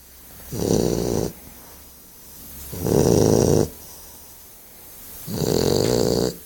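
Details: Sleeping dog snoring in a quiet room: three rough, fluttering inhaled snores about 2.5 seconds apart, roughly 24 breaths a minute.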